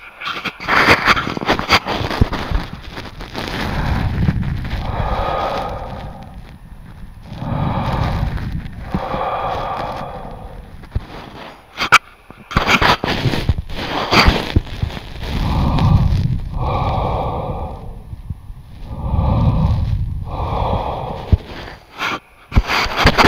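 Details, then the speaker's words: Normal breath sounds: soft, even lung sounds with no added sounds, from remote stethoscope auscultation transmitted over Zoom using a SKOP device, with clicks and rubbing noise; the patient is judged healthy. "on entend super bien excellent il est en bonne santé"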